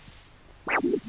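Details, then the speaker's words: Doppler (Huntleigh Dopplex) over a normal healthy foot artery, diabetic foot exam demo: one pulse cycle with a sharp high swish then softer low follow-on sounds, a normal triphasic/biphasic phasic arterial signal. "now in a normal healthy person the arterial signal is said to be Tri or basic which means it has either three distinct beats or two distinct beats"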